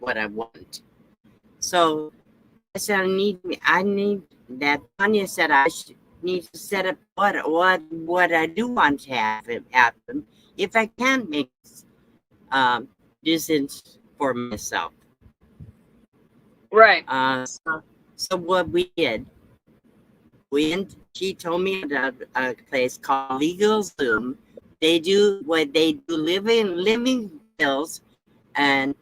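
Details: Aphasia after a second stroke in an adult woman; she reports speech loss without paralysis, and speech remains impaired.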